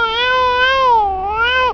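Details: A single sustained, wavering, high-pitched wail from a 3-month-old baby girl: an ordinary infant cry.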